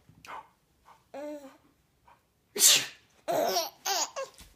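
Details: Baby laughing at someone's sneezes: a couple of sharp sneezes, each answered by the baby's bright laughter, in a quiet room; sneezing.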